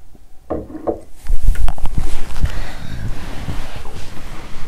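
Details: Bowel sounds from the abdomen, recorded close up after exercising on an empty stomach and feeling unwell: irregular low gurgles, rumbles and soft pops with faint room noise.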